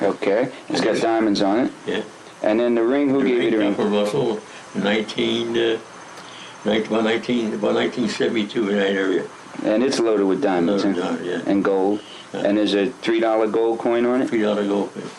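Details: Adult male speaker; typical speech.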